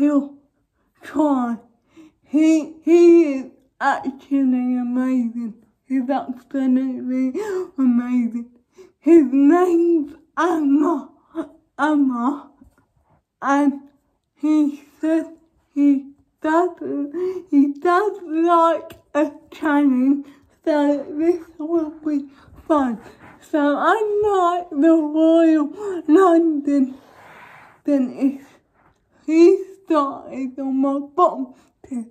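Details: Young woman with cerebral palsy causing involuntary movements, recently fitted with braces on top and bottom teeth; dysarthric speech in cerebral palsy.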